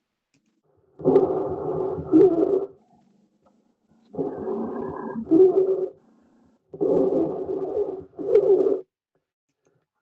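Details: Lung recording played as an exam listening exercise: harsh, voice-like, seal-like noise with each breath, about 18 breaths a minute in paired bursts: stridor.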